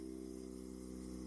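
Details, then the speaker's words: Suction pump (type 7E G1) with vacuum unit, collection chamber, filter, suction tubing and catheter, switched on with the suction tubing tip closed off to check for leaks: steady, even motor hum with no change in pitch. "n ini, berikutnya kita nyalakan tombol power untuk dinyalakan ke posisi on."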